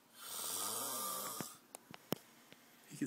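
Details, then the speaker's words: Sleeping person snoring loudly enough to wake the dead: one long, loud, buzzing snore on a breath, then quiet with scattered small clicks; snoring. "this is our felis rescue Lieutenant snoring so lot Wake the Dead he doesn't believe us that we tell him he snores so this is"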